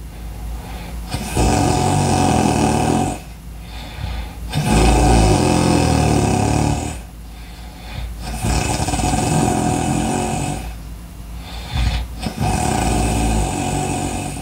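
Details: Loud, rough, rattling snores on each breath, about four breaths a minute, with quieter exhalations between; heavy snoring.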